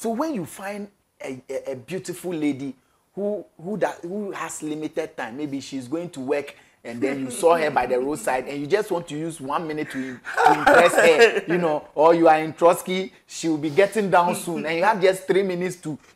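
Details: Adult speaker; ordinary conversational speech.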